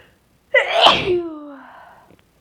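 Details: Deliberately induced sneezing with a very sensitive nose, in someone who suspects they may be getting sick: a single forceful sneeze with a sharp burst and a voiced trailing sound.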